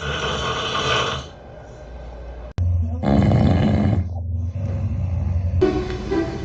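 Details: Dad's snoring, possibly an added sound effect: loud, rough, rumbling snores with music in the background.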